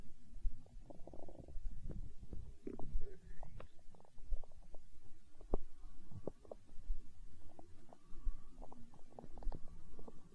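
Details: Hunger stomach growling: continuous low gurgling and rumbling with scattered bubbly pops; borborygmi.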